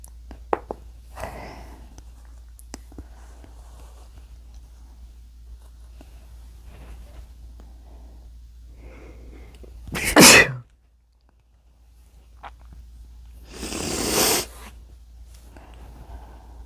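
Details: Induced sneezing in a male: two loud sneezes, each after a few quiet sniffs and catching breaths, in a quiet room.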